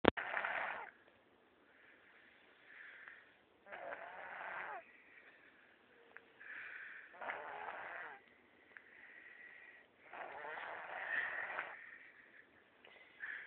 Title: Snoring